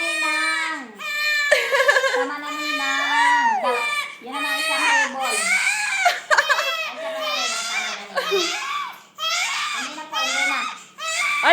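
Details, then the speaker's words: Baby girl crying, said to be hungry after being teased by her godmother: repeated wailing bursts rising and falling in pitch, with quick breaths between them. "gutom na ang baby Sige na Ay sige na kakain na d baby"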